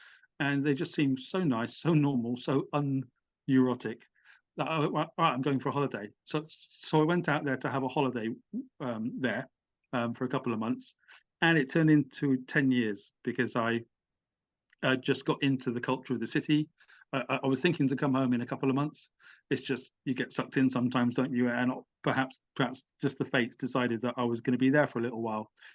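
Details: Adult British man, stammering since childhood with blocks, had speech therapy (voluntary stammering, replacement sounds), uses small repetitions as a technique, and says the stammer has become less intense with age; stuttering (stammering).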